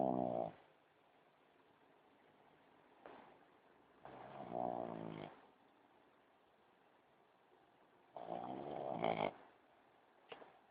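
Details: Shih Tzu asleep on a window sill with eyes open; low rattling snores on breathing in, softer sound breathing out, repeating every few seconds in a quiet room; snoring.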